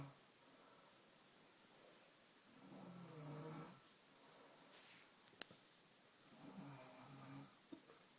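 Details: Two low, rumbling snores on inhalation, roughly 16 breaths a minute, over steady room hiss; snoring.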